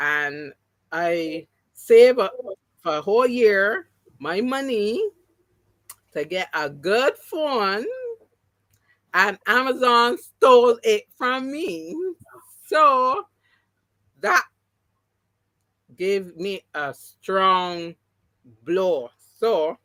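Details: Adult woman with three strokes (2017, 2018, 2019); the first, haemorrhagic, took her speech and paralysed her right side; she relearned to talk, though some words will never return: post-stroke aphasia, partially recovered.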